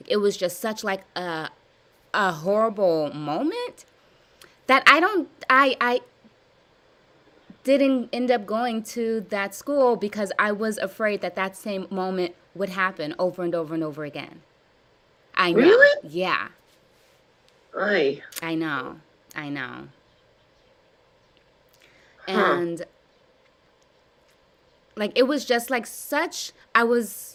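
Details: Adult woman with severe stuttering blocks since childhood, in a live stuttering therapy session practicing voluntary stuttering, prolongations and cancellations; stuttering.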